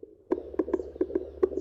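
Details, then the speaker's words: Fast, regular whooshing fetal heartbeat, about 140 a minute, found by a pregnant woman at home with a newly bought fetal Doppler, using cream instead of gel after about 10 minutes of searching. "Acabei de encontrar. Olha aqui. É o nosso."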